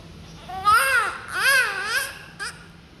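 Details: Newborn on the first day of life in hospital: two rising-and-falling wails in a quiet room; a normal newborn cry.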